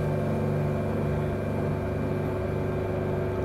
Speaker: okay now let us turn it on and see now his plot and we turn it on as you can see this is the pipe let me test it the suction rates